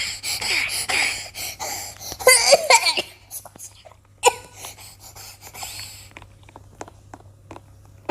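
An adult does an imitation laugh made of rapid, hissy, squeaky gasps with brief wheezy pitch, mimicking asthmatic laughter.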